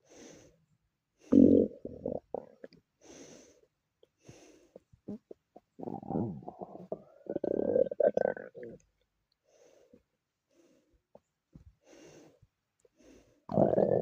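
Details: Own stomach growling: irregular gurgling and rumbling bursts, some long and squeaky, separated by quiet gaps; normal borborygmi of gut movement.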